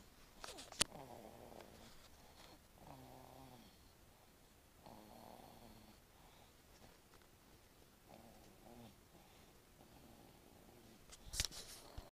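Soft, whistling, nasal snores recurring every few seconds against quiet room noise, with a couple of brief clicks: light snoring.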